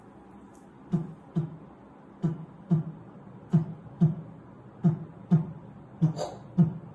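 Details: Simulated slow heartbeat, about 46 a minute: four normal beats, then from the fifth a short crescendo-decrescendo mid-systolic murmur between the first and second sounds; ejection systolic murmur, loudest at the aortic area.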